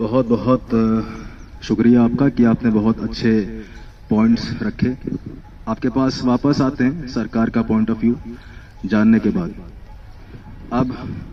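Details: Student at a stammering therapy centre, trained in breathing control, airflow and prolongation techniques, speaking in a public-speaking role-play as a news reporter; stuttering.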